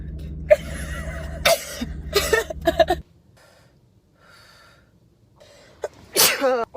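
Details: Girl sneezing during a Covid-19 nasal swab test: several sharp, forceful sneezes in quick succession over a low hum, then quiet and a final loud sneeze, triggered by the swab.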